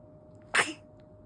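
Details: A single short, sharp burst of air from a pet against a quiet room; a sneeze.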